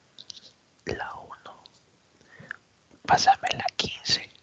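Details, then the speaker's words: Whispered speech heard clearly and distinctly through the chest: whispered pectoriloquy, demonstrated in a physical examination lecture. A whisper should not be heard over normal lung but is heard when lung air is replaced by solid content, as in pneumonia. "Imagínense, si a voz llena la voz no se escucha, ¿qué sucede cuando cuchichean? Cuando murmuran. ¿Se oirá la voz en un pulmón normal o no? No debería escucharse."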